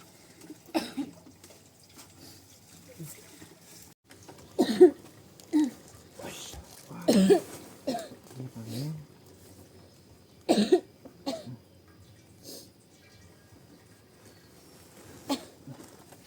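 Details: Repeated coughs, some harsh bursts close together, in a quiet room from a woman who cannot stop coughing while a man takes a 3-year-old child to school; persistent cough.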